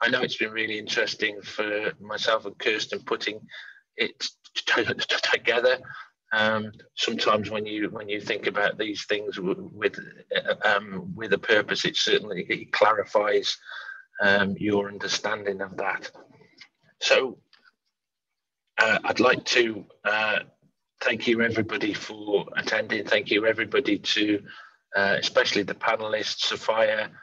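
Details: Real stammering in an adult man who says he stammers and stammers openly; stammering.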